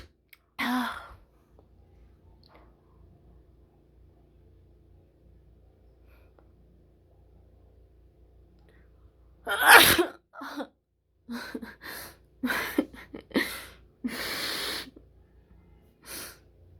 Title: Wide Nose Sneezes Africa.